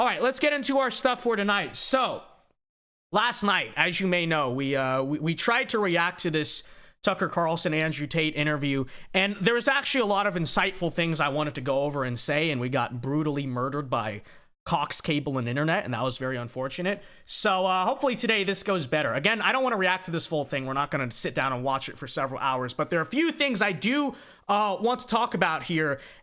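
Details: Adult male speaker; normal speech.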